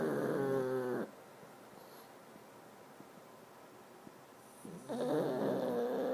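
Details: Honking, buzzing snores from a sleeping pug, separated by a quiet pause of several seconds; loud snoring.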